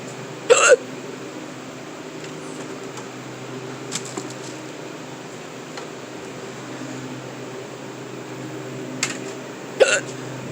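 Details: Persistent hiccups while stocking a cooler at work: sharp, brief hiccup sounds over steady machine hum, two clear ones about nine seconds apart.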